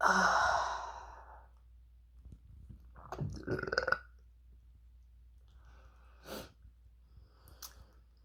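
A loud sigh-like exhale, then a rumbling throaty belch with softer burps after; ordinary belching in a quiet room.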